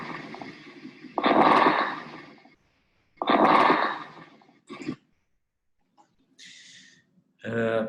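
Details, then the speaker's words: Pediatric respiratory semiology lecture: breath sounds with fine popping crackles, a sound associated with pneumonia or other inflammation of the lung parenchyma, with fluid or pus in the alveoli. "Esse é um outro som muito importante, que é o som dos crepitantes. Tá? Esse é um som mais associado à pneumonia, né? Ou alguma outra alteração inflamatória a nível do parênquima pulmonar, lá no alvéolo."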